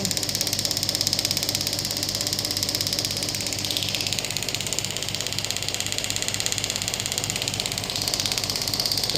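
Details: Steady fast clicking pulses, about three per second, over a constant mechanical hum from a Biotronix pneumatic radial shockwave therapy device firing on a hand at low intensity in a demo.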